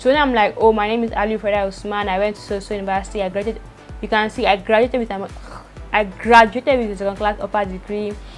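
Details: Adult woman who stutters, with stuttering triggered by speaking many words quickly; stuttering.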